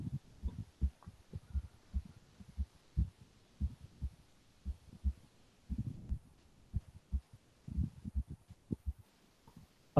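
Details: Normal heart sounds played in a cardiology teaching seminar: regular paired lub-dub thumps at roughly 60 beats a minute over faint hiss, with no added sounds.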